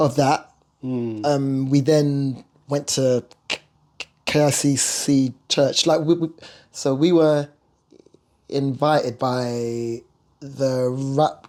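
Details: Stuttering (stammer) in an adult male singer who has lived with it.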